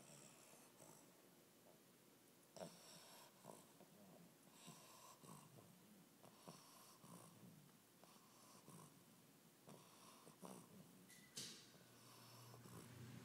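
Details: Bulldog puppy snoring loudly while sleeping: repeated rattling, snorting breaths with wet snuffling in a quiet room.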